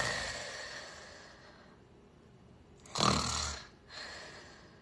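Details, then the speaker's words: A loud, harsh snore breaks a quiet pause, a person snoring in a way suggested to indicate possible obstructive sleep apnea syndrome; loud snoring. "conoces a alguien que ronca así bueno si conoces a alguien que ronca de esta manera muy posiblemente esa persona tiene una cosa que se llama síndrome de apnea obstructiva del sueño"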